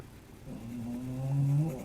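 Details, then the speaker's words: Hound dog asleep and warm in the sunshine, snoring very loudly: a loud, low, droning snore building in strength over one breath. "can you hear my dog he's snoring like he's in the sunshine and he's"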